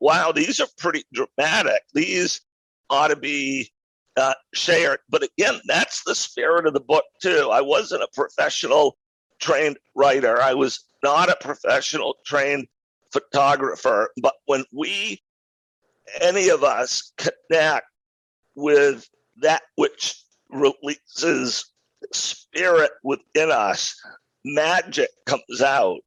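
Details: Adult male with a rare neurological voice disorder acquired in 2012 that made speaking difficult, still audible in his speech today: neurological voice disorder.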